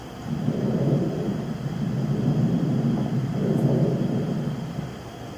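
Simulated breath sounds with a coarse, rumbling crackly texture, an example of pneumonia crackles.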